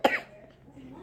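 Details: Five-year-old girl sick for several days, who vomited from coughing: a single short, sharp cough, then quiet room noise; cough.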